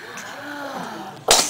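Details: Baby about six weeks old, fed sweet potatoes: soft baby sounds end in one sudden, explosive sneeze spraying food on himself, the couch and others; sneezing.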